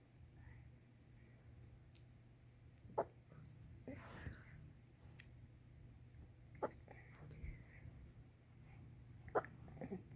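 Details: Baby hiccupping and drooling during tummy time: soft, brief, sharp catches at irregular intervals, about four in ten seconds, in a quiet room.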